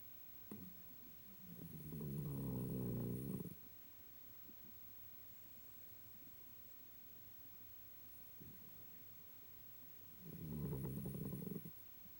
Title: Biscuit snoring 12/24/18